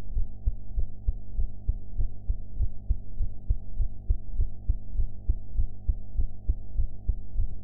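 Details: Own heartbeat recorded after eating, audio enhanced: regular low thumping about 100 a minute over a steady hum; normal heart sounds.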